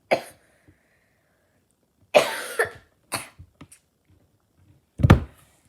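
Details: Child gives a series of about six short, harsh coughs in separate bursts, some clustered together, in a quiet small room; cough.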